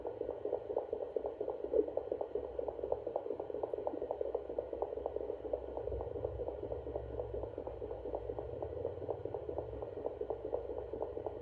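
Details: Pregnant feral cat near term, due to give birth any day: fetal kitten heartbeats on Doppler, heard as rapid, rhythmic whooshing pulses over a steady hiss.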